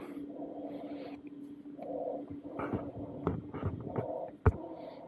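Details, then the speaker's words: Simulated wheezing from a Laerdal MegaCode Kelly Advanced training manikin controlled via SimPad, lung-sound volume 10, respiratory rate 28: musical tones recurring with each breath at about 28 per minute. "so long sounds we said uh we can do some wheezing so you click wheezing and then let me make them very audible right so I put 10."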